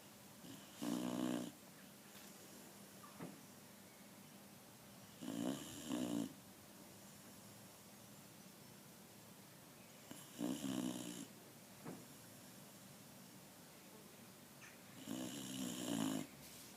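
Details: Sleeping dog snoring in steady, rattly bursts about every five seconds, roughly 12 breaths a minute.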